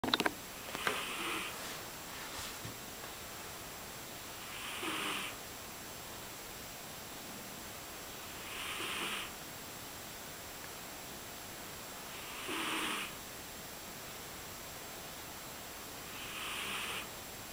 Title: Snoring cat